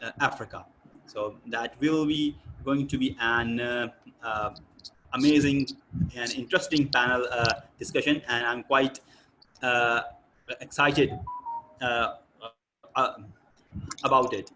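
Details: Adult man speaking; typical speech.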